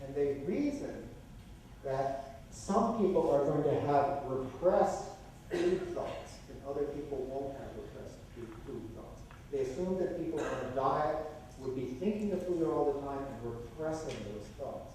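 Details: Adult male lecturer; typical speech.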